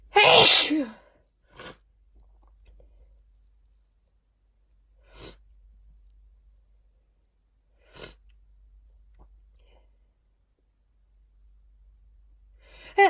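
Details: Sneezing while clearing a dusty attic, which the person attributes to dust allergy: one loud sneeze followed by short sniffs and quieter bursts.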